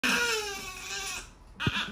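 A baby's loud, sustained cry that fades off, followed by the start of another cry.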